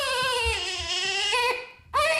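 An infant's sustained, tonal cry with a brief pause before another rising cry begins.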